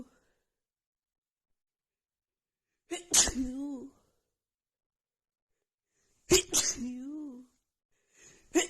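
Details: Sneezing fit in a person with a cold and blocked nose, set off by sniffing a tiny bit of black pepper: repeated sharp sneezes in quick bursts, each with a short vocal trailing sound, barely breathing between.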